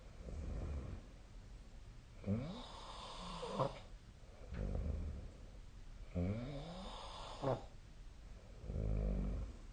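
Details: Sleeping cat snoring: low, rumbling snores on each in-breath with softer out-breaths, roughly every four to five seconds; ordinary snoring.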